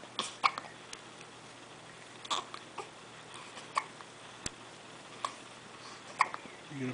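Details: A 5-day-old baby girl gives faint, evenly spaced short hics, about eight in seven seconds, over quiet room noise; infant hiccups.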